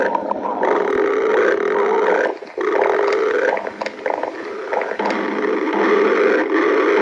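Long, loud, low rumbling growls with brief pauses; stomach growling from gas and fluid moving through the gut.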